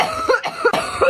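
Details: Vape user taking a hit from a device set on low: three harsh, dry cough bursts in quick succession right after inhaling the vapor, an irritant cough.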